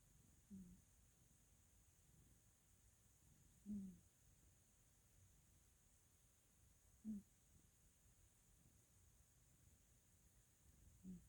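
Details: A pet's wheezing: quiet, low-pitched wheezy sounds recurring about every three seconds.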